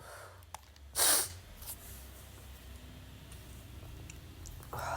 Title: sneezing (m)